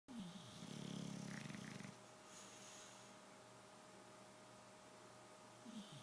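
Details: Bulldog napping, snoring very loudly; a rough, buzzing snore then quieter breathing over a steady background hum; snoring.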